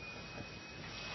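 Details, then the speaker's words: Medical suction device run to clear blood from a patient's airway during intubation while the patient is being bagged; a steady, continuous hissing roar. Possibly a training scenario (initial assessment pre-briefing). "Looks like we got a little bit of blood in there. Let me suck that out. All right. Suction. Suction."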